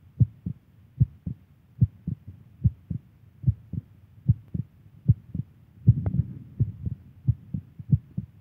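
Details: A girlfriend's heartbeat: steady paired lub-dub heart sounds at about 75 beats a minute, regular rhythm, with a brief rustle midway.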